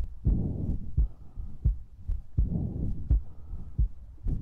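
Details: ASMR recording of a heartbeat with breathing and mouth sounds; soft, regular low thumps in a two-beat pattern, about 80 a minute, with muffled rumble.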